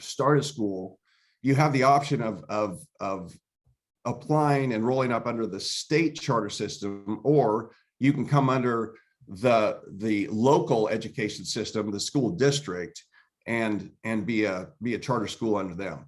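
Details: Adult man speaking; normal voice.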